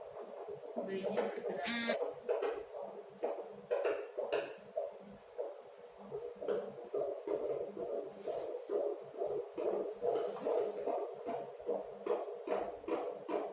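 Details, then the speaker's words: Fetal heart sounds auscultated in a pregnant woman during a midwifery head-to-toe exam after palpating the fetal head, counted over a full minute: rapid, regular whooshing beats, measured at 142 per minute, a normal fetal heart rate. "ya kita dengarkan selama atau menit penuh untuk mengukur denyut jantung janin"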